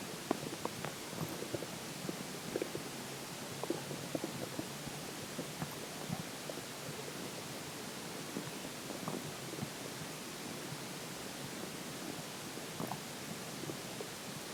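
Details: Stomach growling after drinking water: irregular soft gurgles and bubbling pops over a low hiss; bowel sounds (borborygmi).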